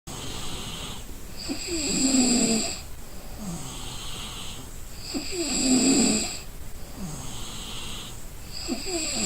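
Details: Exhausted person asleep gives deep, regular snoring with a fluttering rattle on each breath, about 17 breaths a minute, in a small room; snoring.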